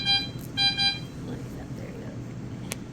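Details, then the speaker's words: Home ventilator alarm during a tracheostomy tube change after the patient is reconnected: a few short electronic alarm beeps over low machine hum. "Okay, so your vent is probably going to alarm on us, and I think that's okay. It did alarm last time, and she just suctioned you out."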